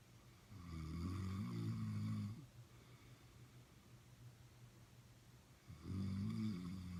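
Two loud, low, rattling snores on breathing in, separated by quiet breathing out; ordinary snoring.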